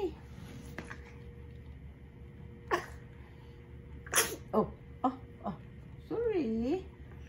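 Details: Baby boy sitting up during nebulizer treatment: sudden sharp infant sneeze over steady nebulizer machine hum, followed by an adult's voice; sneeze.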